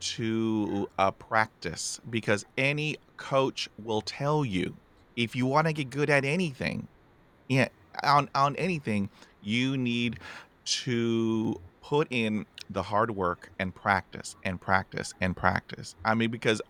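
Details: Adult man, a former rugby player, with a lifelong stammer since about age 5-6, involving blocks and difficulty speaking under pressure; stuttering (stammering).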